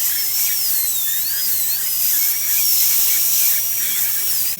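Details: Dental high-speed drill with a 330 bur removing decay along the tooth groove during an amalgam (silver) filling: a continuous high-pitched whine with wavering pitch.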